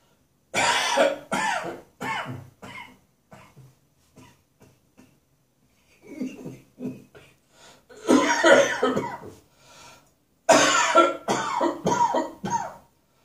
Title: Harsh Winter Coughing and Spitting